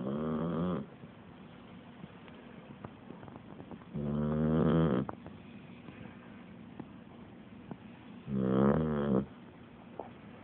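Loud, rhythmic rattling snores from a sleeping dog, about one every four to five seconds, with quiet pauses between them.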